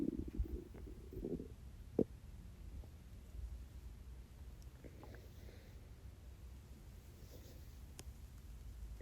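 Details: Low gurgling rumbles early on, then quiet: hunger stomach growling (borborygmi) from a totally empty stomach during a self-recorded 24-hour fast.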